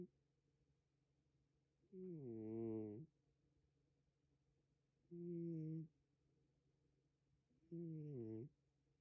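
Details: Sleeping animal snoring loudly: three groaning, tonal snores with wavering pitch, about 22 a minute, in a quiet room.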